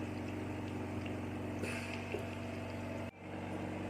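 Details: Oxygen concentrator with humidifier (0–5 L/min range) running after power-on with a timer set, oxygen percentage slowly rising: steady low mechanical hum with a brief hiss.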